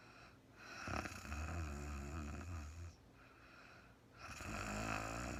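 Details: Real-time recording of a sleeping woman, no talking: soft, rasping snores with each breath in, separated by quieter pauses, in a quiet room; snoring during sleep.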